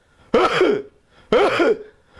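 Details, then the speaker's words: Imitated acute barking cough demonstrated for homeopathic remedy differentiation: two harsh, honking cough bursts with a barking quality. "well sure so that's you see The Barking nature of the cuff and that you have in he / and some Lucas"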